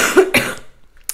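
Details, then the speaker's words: An adult woman with bronchitis gives two quick, harsh cough bursts that fade into quiet room sound; cough. "donc par avance excusez moi si je parle un peu comme un canard si je tousse si par moments je reprends beaucoup ma respiration"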